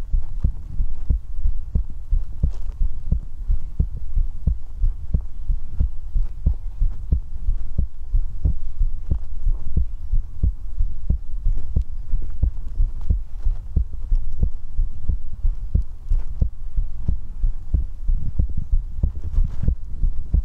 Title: Heartbeat ASMR, ASMR Heartbeat | 2022-04-21 | ZhongWen ASMR